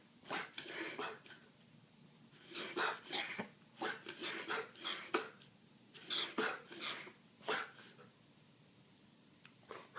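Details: Female dog having a reverse sneezing episode: repeated rapid, harsh snorting inhalations in clustered bursts while the owner coaxes her.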